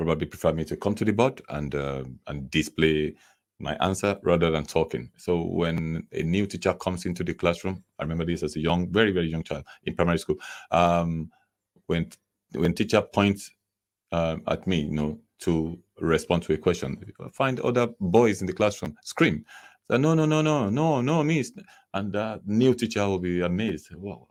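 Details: Adult man who stammers, with a mother and two sisters who also stammer; stammering (stuttering).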